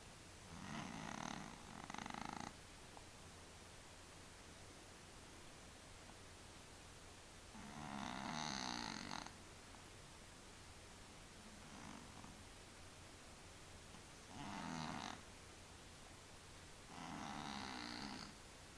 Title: Funny Cats Sleep Snoring